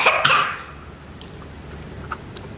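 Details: Child with a cough, eating ice cream: two quick coughs at the start, followed by quiet room sound.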